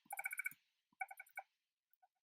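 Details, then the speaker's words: Spectra S1 hospital-grade breast pump in let-down mode, display showing 70 with cycles not adjustable: quick, chirping bursts of motor pulses, the fast suckling rhythm of let-down mode. "this is not adjustable so you won't be able to adjust the Cycles when you are in the let down mode"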